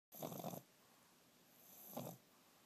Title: More bulldog snoring